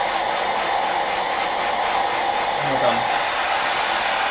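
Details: Mechanical insufflation-exsufflation with a Clearway cough assist machine via tracheostomy in a male patient recovering from a chest infection after complications of deep brain stimulation surgery: steady loud blowing airflow, two insufflations each followed by a pause, during airway clearance.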